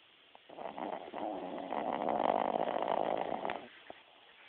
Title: Snoring dog